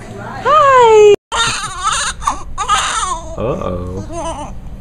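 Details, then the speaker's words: Loud, high-pitched wailing cries in short bursts from a newborn baby girl just before her first bath in hospital after birth, room sounds in background; newborn cry. "someone's not happy it's bath time she's about to get a bath"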